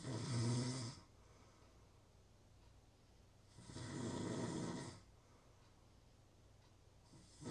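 Long rattling snores on each breath, about 16 a minute, with quiet pauses between. Steady sleep snoring.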